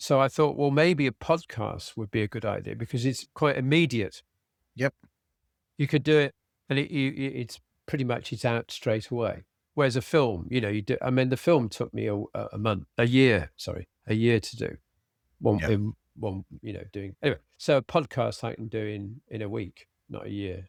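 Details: Adult man with aphasia after a sudden stroke, treated with speech therapy and his wife's flashcard practice; he still has word-finding difficulty, cannot read a script and tires later in the day. Finding: aphasia with word-finding difficulty.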